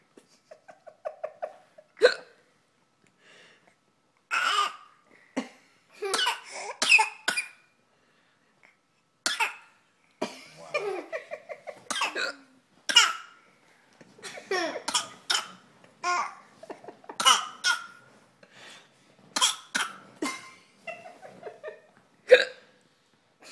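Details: Five-month-old baby boy making a playful fake cough: short, sharp, cough-like bursts mixed with coos and squeals.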